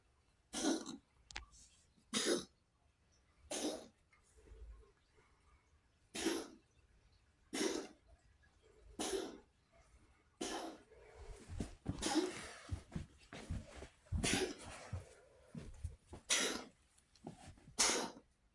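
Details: Cat coughing, recorded to show the vet, possibly asthma: a run of about a dozen short, harsh, dry coughs separated by brief pauses.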